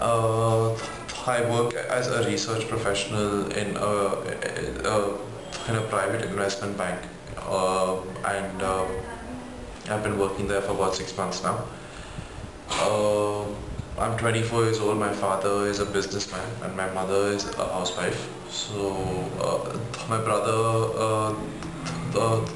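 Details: Stuttering in a 24-year-old man, recorded before stammering therapy.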